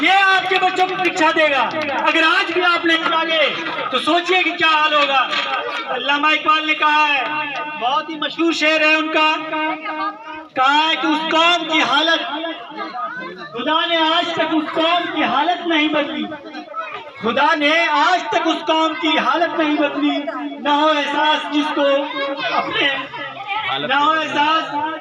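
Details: Adult male speaker; Normal voice.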